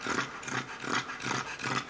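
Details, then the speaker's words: Dog with brachycephalic syndrome: rapid, harsh, noisy breaths, the last louder with a strained, tight edge. This is stridor, indicating upper-airway obstruction. "questo un paziente che ha stridore lo stridore ci dice linea di massima che c'è un ostruzione di pendolari"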